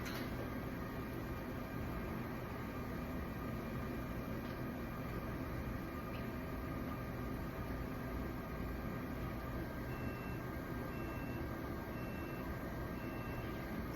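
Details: Monsoon jet ventilator set up with endotracheal tube for histotripsy, switched on via back button with no air or oxygen supply connected: steady low machine hum with faint intermittent beeps near the end; jet ventilator running.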